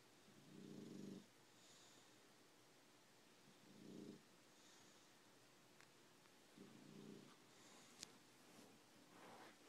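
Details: Snoring while napping in an office: three soft, low rumbling snores about 3 seconds apart, about 20 a minute, over quiet room noise with faint clicks; ordinary snoring.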